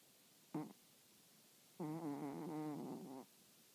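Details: Two rough, buzzing snoring breaths, one brief and one longer, in a quiet room during sleep.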